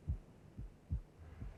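Simulated heart sounds: regular low lub-dub pairs at about 70 a minute with faint hum behind. Normal first and second heart sounds, first lower and longer.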